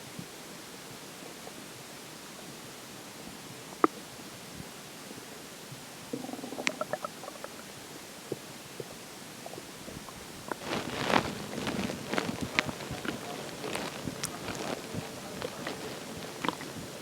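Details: Bubbly, trickling gurgles building into a run of squeaks and pops: stomach growling, normal digestive sounds (borborygmi).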